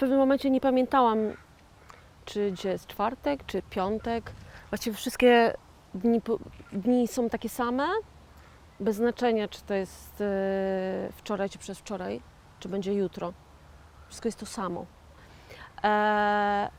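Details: 41-year-old woman with aphasia after a stroke in 2009, self-described stroke survivor and aphasian, who says she cannot say a word; aphasia.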